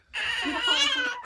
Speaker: she just looked the first time she opened her eyes after just waking up and she cries said you left me all day